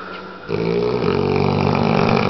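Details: 8-month-old American Bulldog snoring while asleep, very tired: low, rumbling buzzy breath noise growing louder and steadier after the first half second.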